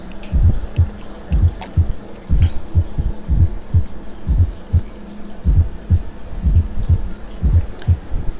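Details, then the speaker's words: Teaching recording: regular heart sounds near 60 a minute with a soft, low extra sound just before S1, generated by left atrial contraction; fourth heart sound (S4, atrial gallop, summation sound). "es cuando se genera ese cuarto ruido llamado galope auricular o también se le conoce como ruido de suma galope auricular un ruido de suma de suma o cuarto ruido cardiaco escúchenlo ubicarlo"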